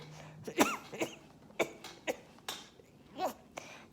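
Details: Quadriplegic adult with weak, underdeveloped lungs and a respiratory illness coughing: several short, faint coughs with little force, too weak to clear mucus.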